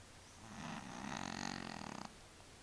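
A single rattling, fluttering snore on an inward breath, lasting about a second and a half, from a sleeping cat.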